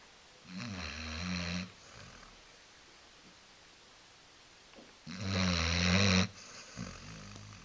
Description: Coco, our beloved and lazy Basset hound is catching some shut eye on the couch, snoring her head off.